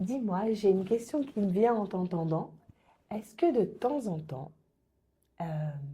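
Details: Adult woman speaking French; typical speech.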